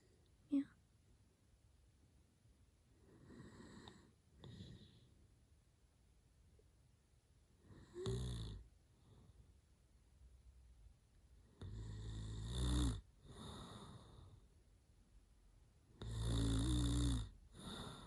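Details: Adult boyfriend who fell asleep while talking, smiling and sleep-talking: loud, rough snores recurring irregularly with quieter breaths and soft mumbling between them, quiet room: snoring.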